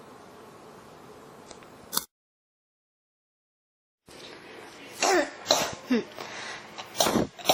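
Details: Cough that won't stop: several harsh, throaty cough bursts after a brief gap, part of a run of repeated coughing; cough.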